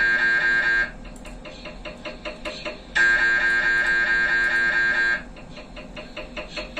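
Loud steady electronic tone alternating with rapid rhythmic knocking, about 136 a minute: MRI scanner noise during imaging sequences.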